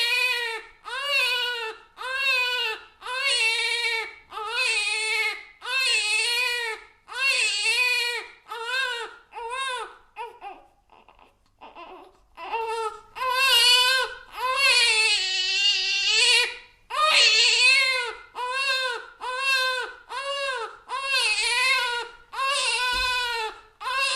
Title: 👶🏼 Crying Baby Sound Effect (HD with Dolby Atmos)